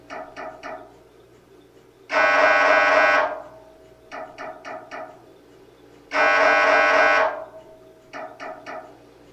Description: Sample sounds of an MRI for anyone interested in knowing what to expect in order to feel better prepared. MRI machines are loud and like a large camera, but nothing touches you when you are having pic